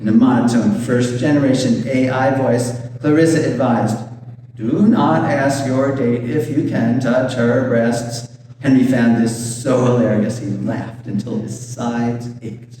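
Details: Adult male reading aloud; Normal voice.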